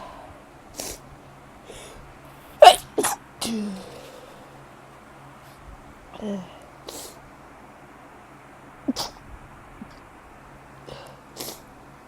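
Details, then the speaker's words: Sneezing fit attributed to bad spring allergies: a run of sharp, explosive sneezes in quick succession in a quiet room. "I hate springs for this reason. Like, allergies. Really bad."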